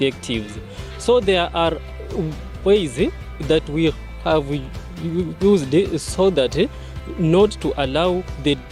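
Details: Speaker at the launch of a stammerers association in Kenya who identifies as a person who stammers and substitutes difficult words; stuttering.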